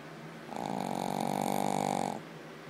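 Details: Snoring described as louder than any human's: a single long, buzzing, vibrating snore lasting under two seconds, with a fast regular flutter through it.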